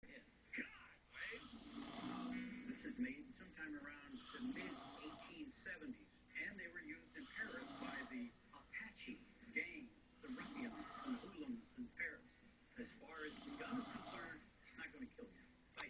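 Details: Snoring from a man asleep while sitting up: rhythmic rasping snores about every three seconds, roughly 20 breaths a minute, over faint room noise.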